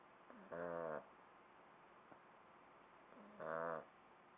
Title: Snoring Shar Pei puppy